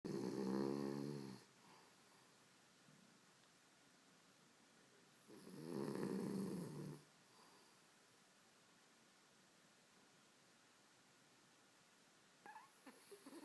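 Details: Habitual snoring that never stops: two loud rattling snores about four seconds apart, with quiet breathing between them, in a small room.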